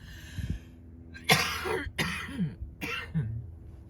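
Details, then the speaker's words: Three loose, harsh adult coughs in quick succession, recorded during a guided meditation; the speaker links the coughing to being cold, possibly having a cold. "I'm so sorry about the coughing. When I hear these back, I'm like, my Lord."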